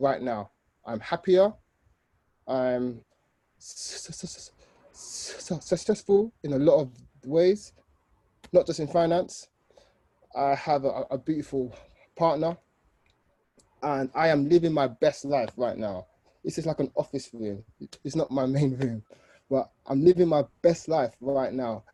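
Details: Adult man, 29, with an aggressive stammer since age 3–5, using controlled speech and a breathing technique; he still has difficulty saying his name; stuttering.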